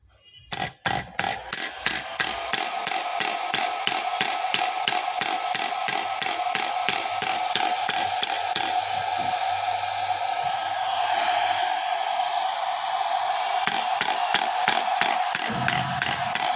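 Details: Shockwave therapy device for physiotherapy and ED therapy in operation: rapid, steady clicking pulses, about three per second, over a continuous hum.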